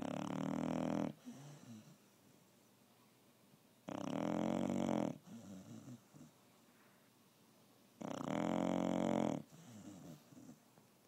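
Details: Sleeping dog snoring: three loud, buzzing inhaled snores about every four seconds, each followed by a soft fluttering exhale.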